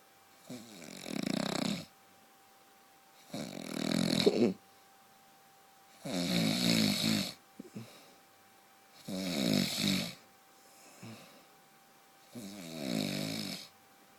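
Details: A husband snores loudly, like a truck, with rattling snores on each breath in, about 20 breaths a minute, over a steady background hum.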